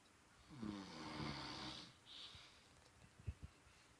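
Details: One long, rough, rattling inhaled snore from a grandfather, a short hiss on exhalation, then quiet room noise; snoring.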